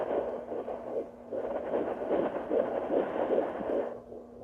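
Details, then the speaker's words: Handheld home fetal Doppler at 11 weeks of pregnancy: rapid, whooshing rhythmic fetal heartbeat around 150 beats a minute, distinct from placental blood flow sounds; device not calculating the rate. "it's not calculating and I know that's the heartbeat because it was different from the other sound"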